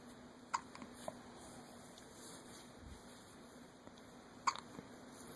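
Two short, sharp hiccups about four seconds apart over a steady background hum.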